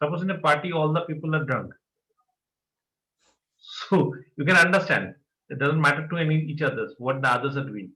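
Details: Adult male; typical speech.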